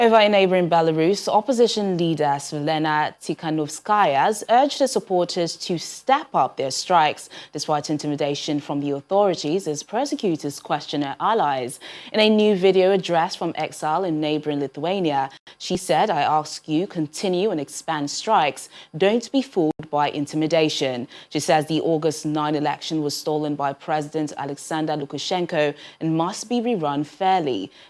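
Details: Adult woman news presenter; ordinary speech.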